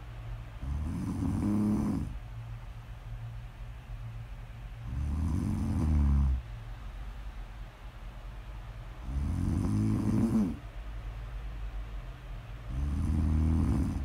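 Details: Snoring audio recording, presented as ASMR: low rumbling snores on each breath in, about 17 a minute, with quiet pauses between; ordinary snoring.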